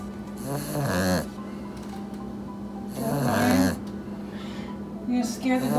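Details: A sleepy puppy napping after playing hard snores loudly: fluttering, rattly snores about two breaths in six seconds over a steady background hum. Ordinary snoring.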